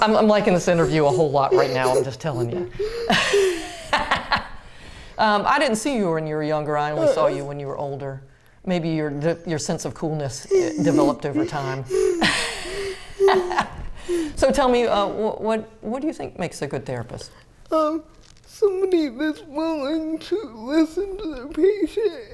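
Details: Adult women in conversation; conversational speech.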